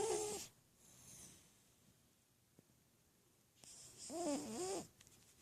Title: Cat snoring